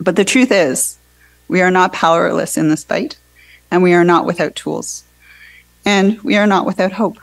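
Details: Adult speaker; normal voice.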